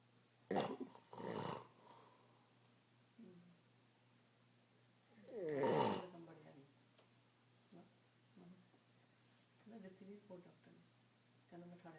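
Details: Several loud, rattling snores from an elderly man (grandpa) in a quiet room, one with a rising, strained pitch, with softer breathing between them; snoring.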